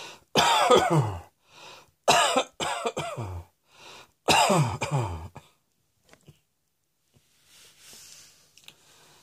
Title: Cross Dressing Coughing 87